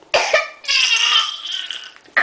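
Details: A young boy who likes to fake cough gives a few short, forced, high-pitched coughs: a deliberate, voluntary imitation cough, not an illness.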